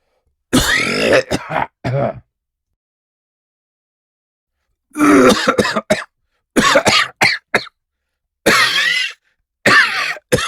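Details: Simulated cough sound effect: an adult man acting gives about five bouts of short, harsh coughs mixed with throat clearing, separated by quiet pauses.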